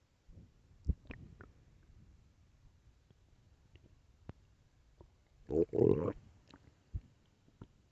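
Loud gurgling stomach rumbles with scattered small pops and a long growl near the end, typical ordinary bowel sounds of a growling stomach.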